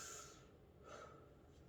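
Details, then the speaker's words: Stethoscope auscultation of a 32-year-old man's chest during a nursing respiratory assessment while he breathes in and out with each stethoscope move; breath sounds clear, no rhonchi, crackles or wheezes: normal breath sounds. "His breath sounds are clear. I don't hear any bronchi, crackles, or wheezes."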